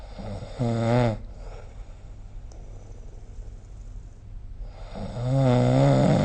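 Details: Snoring recorded with the SnoreLab app: two loud, low, rattling snores on inhaling, about five seconds apart, with quiet breathing between them.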